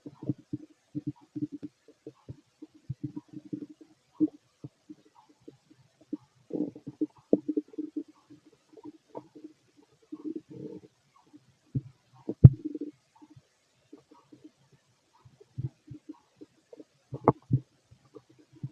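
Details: Fit adult male, stomach heard through a stethoscope while digesting pastry, chicken, curry, bread, milk, eggs and pasta: frequent low gurgles and rumbles; bowel sounds.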